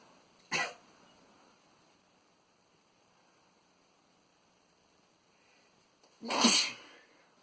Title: Boyfriend sneezing in running gear